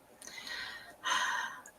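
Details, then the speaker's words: Light snoring from a sleeping cat: two soft, hissing breaths in quick succession with a faint whistly quality. "If you can hear that, that's my cat snoring."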